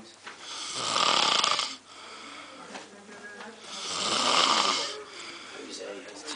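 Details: A person snoring loudly; two loud, harsh, hissing snores about three seconds apart over steady background noise.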